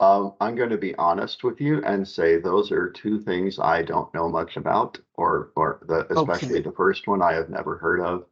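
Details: Adult man speaking; normal voice.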